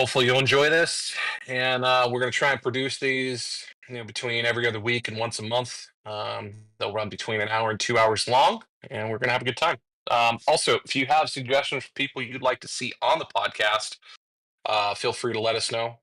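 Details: Adult male speaker; typical speech.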